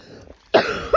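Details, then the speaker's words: A single sharp cough with a second starting, on a night walk outdoors; the person has a persistent cough they say is triggered by the cold. "[cough] Excuse me. Oh, it's got to be so bad. It's when you get in the cold, it make it kick in."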